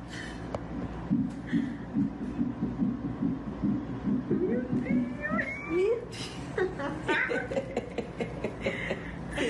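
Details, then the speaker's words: A 19-year-old expectant mother hears her baby's heartbeat for the first time: fast, regular whooshing fetal heartbeat on Doppler at about 140 a minute, with her laughter and exclamations over it. "um vídeo super divertido da reação dela a ouvir o coraçãozinho do bebê pela primeira vez"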